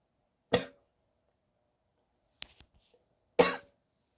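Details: Sick person's barking cough: two harsh, abrupt coughs with a short throaty gag between them, with spitting.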